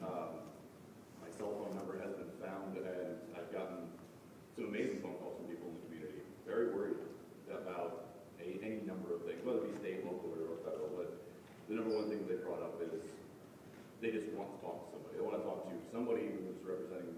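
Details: Adult male speaker; normal voice.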